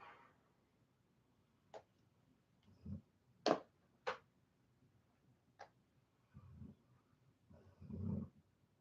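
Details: A dog snoring softly in a quiet room during sewing work: low, rumbling snores mixed with sharp clicks and taps.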